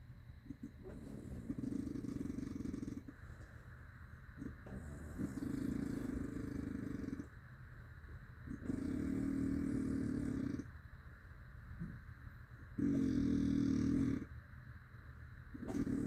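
Loud, harsh rattling snores on each in-breath, about four in 16 seconds, with quieter gaps between; heavy snoring with an engine-like buzz.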